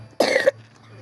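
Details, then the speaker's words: A child gives a single short, harsh throat-clearing burst, then apologizes, with a steady low hum behind: throat clearing. "Sorry, I cleared my throat. Sorry."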